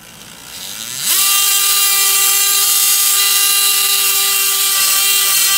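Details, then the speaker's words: Surgical saw cutting through the calcaneus (heel bone) in a medial shift osteotomy during stage II posterior tibial tendon dysfunction reconstruction: a steady high-pitched motor whine. "then using this saw blade we're going to go ahead and cut that bone all the way through almost to the other side of the bone, and then we'll open that part of the bone just by spreading it"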